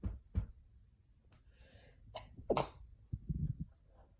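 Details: A habitual sneeze-stifler sneezing openly while cleaning, with a quick indrawn breath, a sharp sneeze burst and softer snuffling around it in a quiet room; sneezing.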